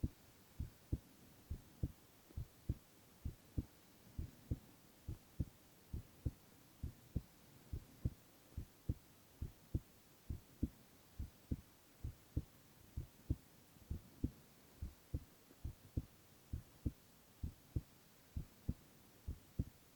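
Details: Silent ASMR recording of a young man's heart sounds only: steady, regular low thumps at about 67 a minute, no extra sounds between beats; normal heart sounds.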